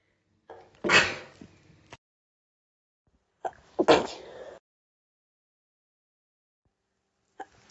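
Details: Sneeze attack: two forceful sneezes, each preceded by a short in-breath, then a faint stifled third burst: repeated sneezing.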